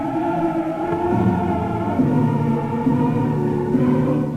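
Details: Sustained choral and orchestral music sounds dull and muffled, its bright upper tones stripped away, simulating Beethoven's worsening hearing loss: a simulation of severe hearing loss.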